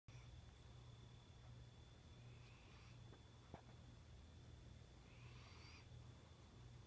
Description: Our cat Cairo, making a sort of snoring noise while sleeping.